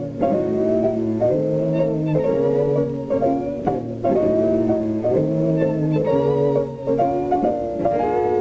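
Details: Music with high frequencies removed, simulating Beethoven's beginning hearing loss, poor in the upper octaves, starting in the left ear.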